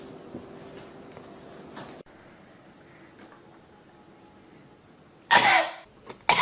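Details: A child coughs: quiet room noise, then two abrupt harsh bursts near the end, the second cut off.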